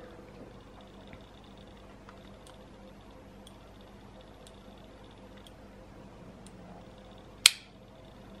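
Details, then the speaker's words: Child with type 1 diabetes changing an Omnipod insulin pump: quiet room, then a single sharp loud click as the pod inserts its cannula under the skin, normal insertion. "that big click was the canula going in okay"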